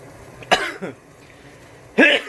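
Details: Cough while cooking ramyun: an adult gives three short, voiced coughs in a quiet room, a brief irritant-type coughing spell.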